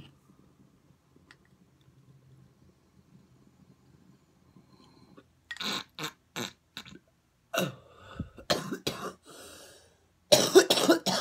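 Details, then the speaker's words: Several harsh coughing bursts after a few quiet seconds, ending in a strong fit of rough coughs right after inhaling cannabis smoke (morning wake-and-bake); cough. "little cough little cough but today I'm not going to edit the coughing out"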